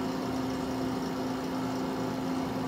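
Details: Companion 5 stationary oxygen concentrator running, flow rate being set per prescription (shown at five liters per minute): steady, even motor hum with constant low drone and soft airflow noise.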